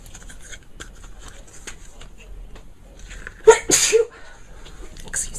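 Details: Compilation of different people sneezing: quiet talking, then a sharp intake of breath and a loud sneeze burst.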